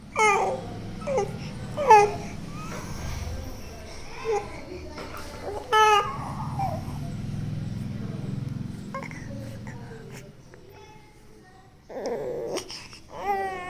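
A young child cries and whimpers in short, high-pitched bursts while unwell with a cough and cold.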